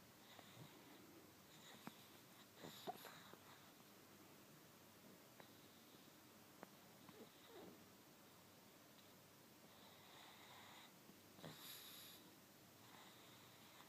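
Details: A sleeping black pug gives soft nasal snoring and snuffling, interrupted by brief squeaky twitching noises as its body jerks, apparently while dreaming; snoring with sleep twitching noises.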